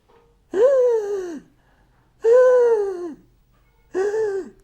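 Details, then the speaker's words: Stridor: three harsh, very high-pitched crowing breaths from the throat (larynx), each under a second with quiet gaps, indicating upper airway narrowing, as in choking. "it's a bit distressing to hear sometimes. It is actually a distressing sound. It's very high pitched. From the throat."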